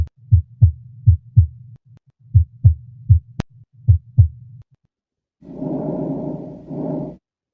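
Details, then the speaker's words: Simulated heartbeat in a VR nursing training app, heard through a stethoscope placed on the patient: steady paired lub-dub thumps, about 78 a minute, then a brief exclamation; normal heart sounds. "Grab the stethoscope and place it on the patient's colliders to hear the patients heart, lung, and bowel sounds. I hear his heart."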